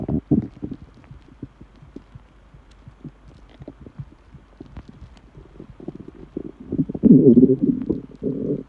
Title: Empty stomach noises